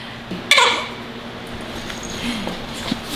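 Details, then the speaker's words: Single small, sharp sneeze burst from a newborn baby girl, followed by her characteristic little sound after sneezing and faint noises against room hum; sneeze. "are you gonna sneeze and then do your little thing oh my gosh can we just capture it guys did you hear that little sound"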